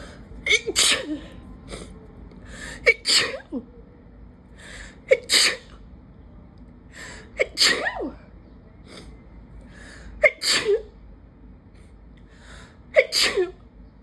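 Five loud sneezes in a row, each with a sharp in-breath then an explosive burst, about every two to three seconds: an allergic sneezing fit.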